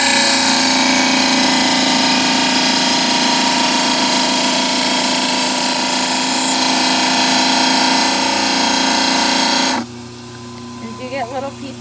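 Loud steady grinding whine of a trimmer wheel cutting a dental model, then stopping, leaving quieter room noise.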